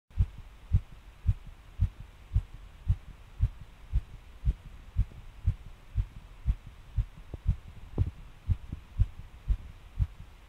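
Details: Heartbeat recorded while getting off, when the person suddenly felt the pace change and the heart began thumping hard: rapid, forceful beats near 115 a minute, uneven rhythm with a few early extra beats; fast irregular heartbeat (palpitations).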